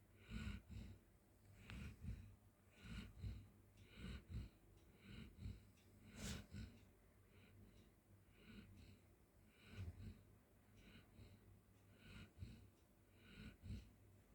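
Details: Golden retriever sleeping on the floor, snorting and snoring: soft, snuffly snorts and noisy nasal breaths, about 13 a minute, rising and falling irregularly.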